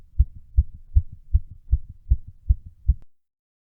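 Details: Fast, regular paired heart thumps at roughly 155 beats a minute, recorded as the person's fastest heartbeat during a workout; rapid heartbeat during exercise.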